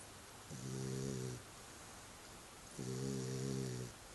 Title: Sissy pup snoring